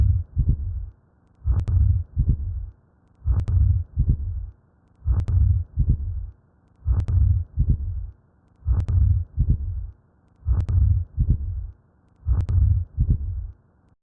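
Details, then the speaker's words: Simulated ejection systolic murmur with split S2 from delayed pulmonary valve closure, heartbeat about 33 a minute, typical of atrial septal defect. "The second half of the S2 heart sound is produced by delayed closure of the pulmonary valve, and this delay occurs again because of the increased volume of blood flowing out of the right ventricle."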